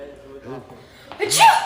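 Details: Acted comedy sneeze in Mr. Bean style: drawn-out voiced build-up ending in a sharp, hissing burst.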